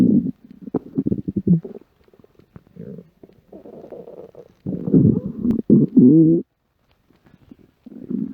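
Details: Adult home after work with an empty stomach after a light lunch: loud, irregular gurgling and rumbling growls with bubbly runs and a tonal squeal, normal stomach growling (borborygmi).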